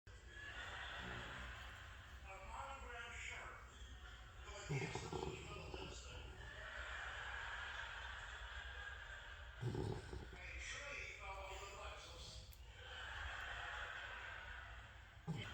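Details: Lilac tri-merle English bulldog puppy, flat-faced, sleeping: loud, long, rumbling snores with harsh snorting bursts between breaths; heavy snoring.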